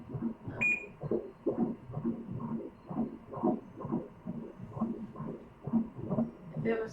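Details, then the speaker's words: HD ultrasound of a male fetus: rapid, regular whooshing fetal heartbeat, nice and steady at 133 beats per minute; normal fetal heart rate. "Little heart rate today. Nice and steady. Right at 133 beats per minute."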